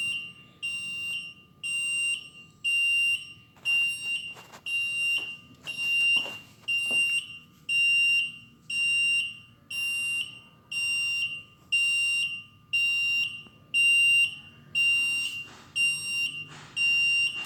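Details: Loud, high-pitched alarm tone pulsing about once a second, steady and regular; an alarm sounding from an Avian mechanical ventilator.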